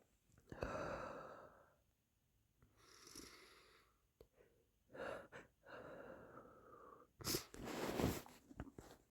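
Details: Stifled and muffled sneezes with wet sniffling: several held-back sneezes with voiced, whistly intakes and short bursts, ending in a sharper, fuller sneeze.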